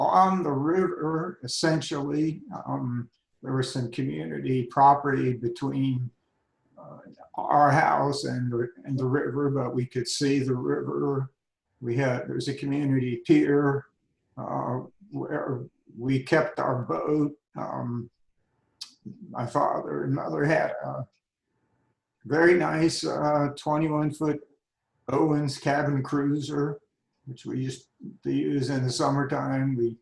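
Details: Adult man with spasmodic dysphonia diagnosed at age 51, managed without Botox through practice and workarounds; talking is tiring and some words such as "yes" take much effort; spasmodic dysphonia.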